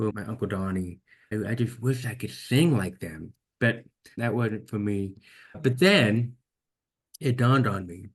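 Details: Deaf speech in a man almost 50 with severe to profound hearing loss since birth, diagnosed at age 2, orally trained with about 13 years of speech therapy; finding: deaf speech.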